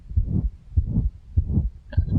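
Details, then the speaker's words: Pulmonic stenosis murmur, heart auscultation for large-animal veterinary examination: low, regular heartbeats with a rough whooshing murmur filling each beat, from a narrowed valve obstructing outflow from the ventricle. "Ya, jadi ada penyempitan di katup tadi itu menimbulkan kontraksi dari ventricle, membuat dia aliran darahnya keluar dari jantung itu jadi terhambat, sehingga timbul suara yang semacam itu."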